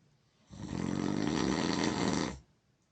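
A single long, loud, harsh rumbling snore of about two seconds.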